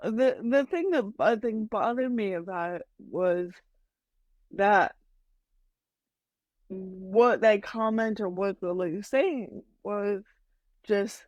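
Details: Adult woman with mild cerebral palsy that she says mainly affects her speech and motor skills, speaking in a podcast interview; dysarthria (cerebral palsy).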